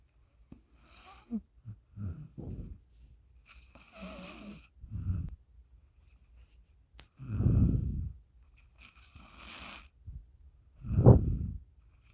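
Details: Female dog snoring in her sleep: irregular low rattling snores with soft whistly breath noises between them, about 17 a minute, in a quiet room.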